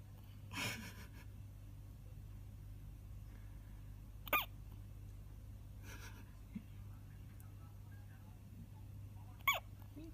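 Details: Baby hiccupping: a few short, sharp hiccup sounds several seconds apart over steady low room hum; hiccups.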